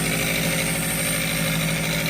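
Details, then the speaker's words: Steady loud mechanical hum and buzz of a nebulizer compressor running without pauses while a child (Agape) receives nebulizer treatment at night. "Ay kung naririnig nyo pala maingay. Dahil si Agape ay nag-nebulizer."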